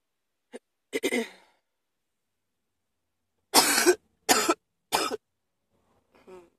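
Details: Sudden-onset cough: a few short coughs, then a run of three sharp, harsh coughs in a quiet room.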